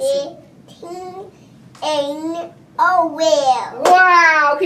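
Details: Child with childhood apraxia of speech during intensive Kaufman Speech to Language Protocol therapy sessions; childhood apraxia of speech.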